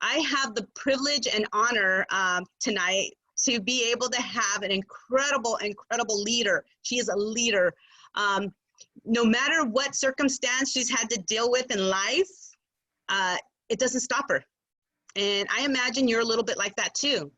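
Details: Adult woman speaking; typical speech.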